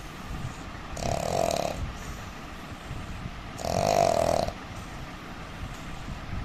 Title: indian man snoring